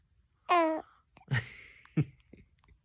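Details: Son sneezing: a brief voiced sound, then a single sharp, explosive sneeze with a short tail; an ordinary sneeze.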